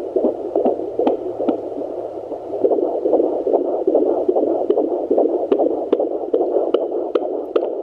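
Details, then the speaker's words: Home Sonoline B fetal Doppler with 3 MHz probe at 17 weeks 5 days pregnancy: rapid rhythmic whooshing fetal heartbeat, about 144–146 beats a minute, at times in the 150s; normal healthy fetal heart rate. "baby we've got 146 beats per minute 144 there how many goes i got in the 150s which is a good healthy heart rate"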